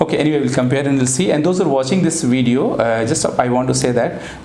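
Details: Adult male speaker; ordinary speech.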